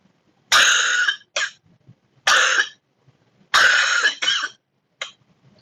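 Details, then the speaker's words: Teaching example of a wet productive cough: three loud cough bursts with rough, rattling tails, showing production of sputum and secretions. "so here you can see that the production of the sputum and the secretions"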